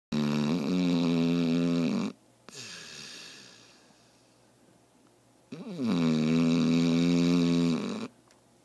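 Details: Loud snoring with a strong whistling, vibrating tone: two long buzzing tonal snores of about two seconds each, separated by a quiet exhale.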